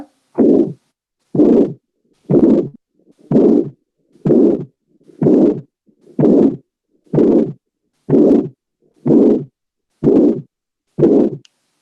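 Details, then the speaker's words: Regular, loud, uniform whooshing holosystolic murmur at about 62 a minute, spanning all of systole while sparing S1 and S2, bar-shaped, heard at the mitral focus; can result from mitral or tricuspid insufficiency. "insisto ahora observamos un soplo óleo sistólico entonces el sople óleo sistólico se da a lo largo de toda la sístole pero pues respetando s1 y s2"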